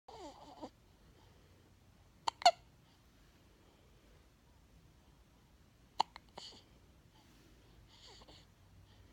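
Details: A 17-day-old newborn holding his head up gives sharp, brief hiccup clicks in two small clusters, with soft infant squeaks and grunts at the start and end, in a quiet room; hiccups.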